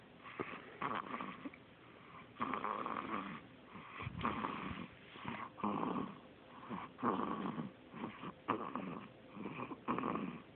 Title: Snoring baby, so cute!